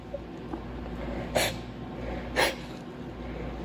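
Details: Two short, sharp sneeze bursts from a girl, about a second apart, over a quiet room background; sneezing.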